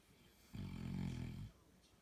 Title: 12.26.16 Snoring